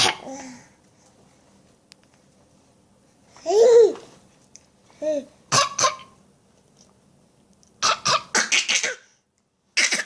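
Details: Young child's voluntary fake cough: a string of short, forced cough-like bursts between playful babbling and laugh-like sounds.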